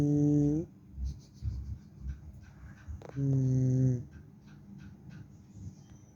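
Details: Two long, loud, buzzing snores about three seconds apart with quiet breathing between, from a tired person sleeping after qurbani; snoring.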